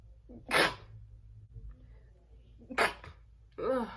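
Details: Two loud explosive sneezes with sharp hissing bursts, then a short voiced sound, big sneezes mixed with a stifled sneeze; sneezing.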